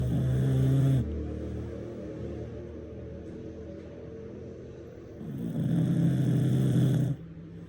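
Two deep, rattling snores a few seconds apart, with quieter breathing between: ordinary snoring.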